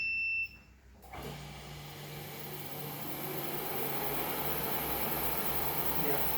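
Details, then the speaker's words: 10-litre Oxymed oxygen concentrator switched on at the power button: a short beep, a brief pause, then a steady rising rush of airflow and motor hum as it starts up. "once this is done we need to connect the power card our card connection is here switch on it and this is power button"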